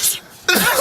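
A short breathy intake, a brief pause, then a sudden loud explosive burst of air: an acted sneeze.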